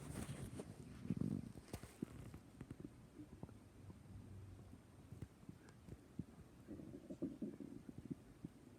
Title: Stomach growling